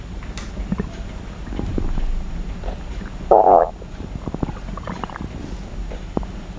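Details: Stomach sound ASMR: low gurgling, sloshing and crackling from the abdomen with one louder squelchy gurgle midway, ordinary stomach growling (bowel sounds, borborygmi).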